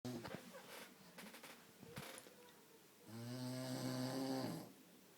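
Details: Adult man snoring heavily while asleep: a loud, rumbling, drawn-out snore on the in-breath follows quieter breathing and faint room noise.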